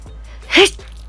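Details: Person in an ongoing sneezing spell, unable to stop sneezing while trying to talk: a single short, sharp sneeze burst against quiet room noise.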